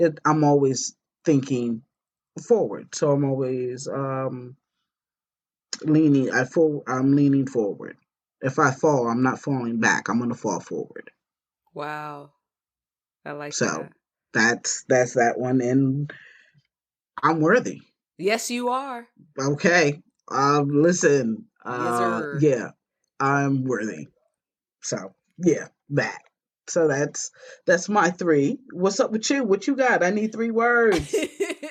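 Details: Stroke survivor with post-stroke aphasia; aphasia.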